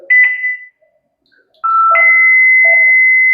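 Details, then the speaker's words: Defibrillator training demonstration in paddle mode without ECG leads, trying cardioversion: electronic beeps then a sustained steady high tone signalling the device is charged and ready to shock, before "all clear". "दोनों charge करते हैं। किया देखो charge भी हो गया।"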